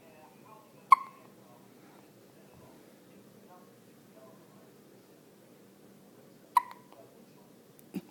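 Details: A person's hiccups: two sharp, abrupt hiccup sounds about six seconds apart, with a faint third at the end, recorded on a mobile phone over quiet room noise; hiccups.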